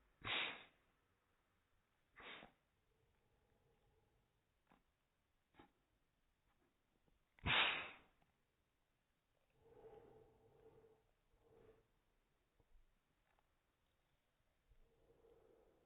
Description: our cute cat sneezes several times while i played with her.